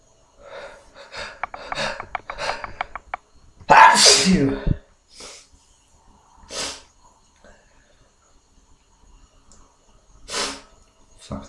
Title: Horny hangover sneezes